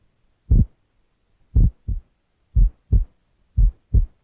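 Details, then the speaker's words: Split S1 heard at the tricuspid area in a supine patient examined from the right side, about 60 beats a minute, the first sound breaking into mitral and tricuspid components; uncommon finding. "although a split S1 is uncommon it's most often heard at the tricuspid area with the sound breaking into mital and tricuspid"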